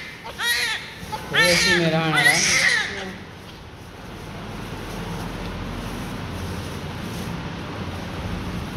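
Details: Newly born baby, described as heavy, being cleaned after birth: a few strong, high-pitched cries, then quiet with room noise; vigorous normal newborn cry.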